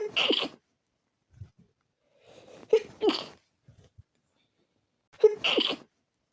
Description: had a tickly feeling in my nose..